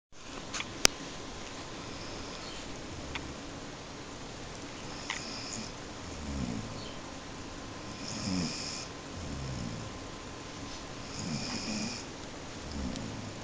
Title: Mico sleeping and snoring :D